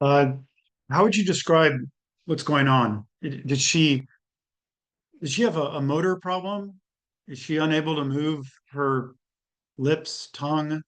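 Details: Adult speaker; normal speech.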